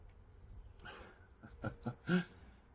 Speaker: You can hear my cat sneezing.